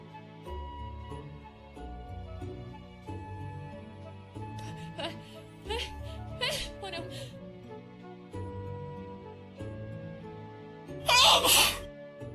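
Soft background music with a loud, explosive sneeze burst near the end; animated comic sound effect.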